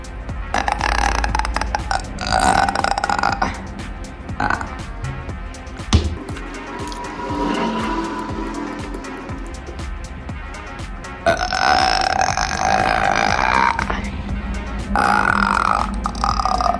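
Long, loud, rumbling burps, several in a row, over background music. Repeated belching after a fizzy drink.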